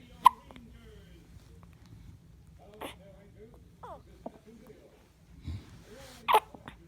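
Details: Person with hiccups, recorded in 2016: several sharp, abrupt catches of breath spaced a few seconds apart, with soft vocal sounds between them.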